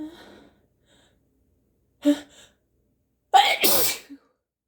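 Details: Deliberately recorded human sneezing with increasing congestion: brief breaths, then a sharp inhaled gasp and a forceful, wet, congested sneeze.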